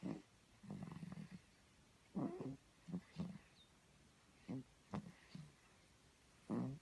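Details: Light snoring during sleep: short, low, fluttering snorts in irregular bursts.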